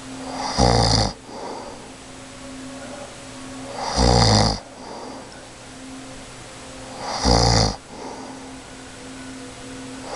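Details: Mother asleep in her room, recorded from the floor nearby, snoring really loud: loud, regular snoring, about 19 breaths a minute, each a harsh rattling in-breath with quiet exhales between.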